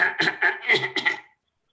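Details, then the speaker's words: Staccato cough imitated by a doctor on request at a paediatric cough workshop: five short, sharp coughs in a rapid, separated run. "you understand this is how a sto C would come it's often because of CIA and others"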